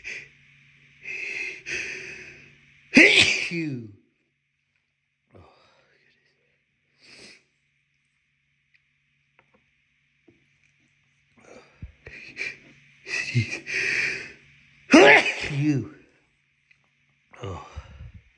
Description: Ugh, my nose tickles so much but it felt good to let these out.